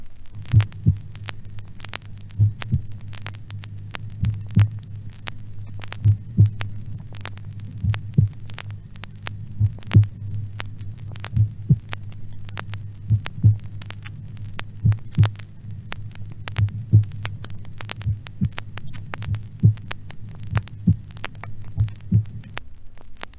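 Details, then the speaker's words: Normal heart of a top athletic champion: very slow, mostly regular beat near 35 a minute with slight intermittent breathing-linked variation. Sinus bradycardia with respiratory sinus arrhythmia. "et maintenant un autre cœur normal mais remarquablement lent avec par intermittence une légère arythmie respiratoire le cœur d'un des plus grands champions"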